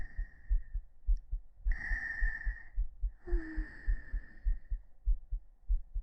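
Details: Steady soft low heartbeat thumps with faint high tones and rustling, recorded on a 3Dio binaural microphone during a hugging sleep-aid ASMR stream, clipped to heart sounds only; normal heart sounds.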